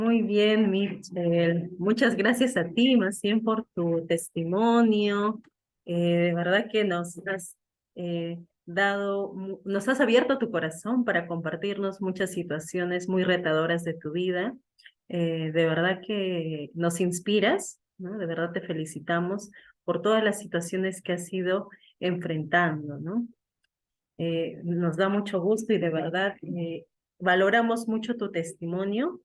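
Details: Adult woman; fluent speech.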